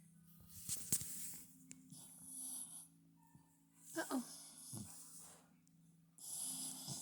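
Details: Sleeping dog, possibly dreaming, snoring and snorting; short noisy hissing breaths come in separate bursts over a steady background hum.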